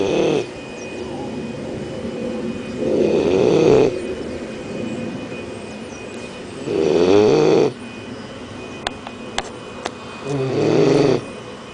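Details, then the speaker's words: Phineas, a 12-week-old Leonberger puppy, asleep after a morning at the park: slow, loud, rumbling snores, about four in twelve seconds, with quiet gaps between breaths; snoring. "Okay, we're gonna go see Phineas. He's sleeping and he's snoring."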